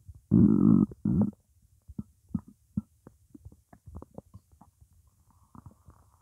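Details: Morning hunger: loud low gurgling growl followed by quieter bubbling rumbles; normal stomach growling, borborygmi.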